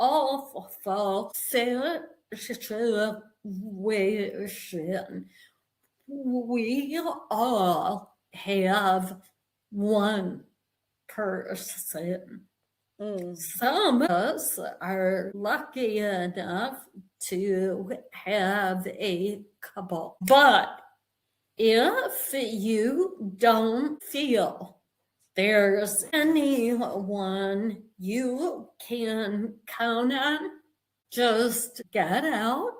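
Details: Woman with a real vocal tremor, described as physically manifesting after over 50 years of narcissistic and emotional abuse that began at age five; vocal tremor.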